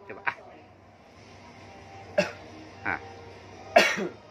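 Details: Child with long-standing throat itch and dryness coughing on request during a hypnotherapy session: a few short, soft cough bursts in a quiet room with a low hum.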